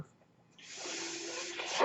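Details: Speaker's own mechanical ventilator, heard during his podcast talk: a quiet pause, then a steady rising rush of air with a faint hum as the ventilator delivers a breath.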